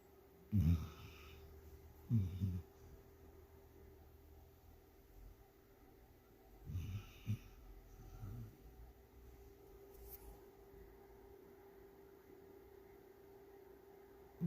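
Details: Sleeping dog snoring: soft, irregular low snorts and snuffling snores separated by quiet breathing in a still room.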